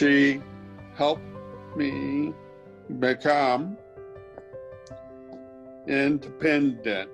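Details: Severe aphasia in a man after a stroke five years earlier; he speaks words while using a Lingraphica communication device.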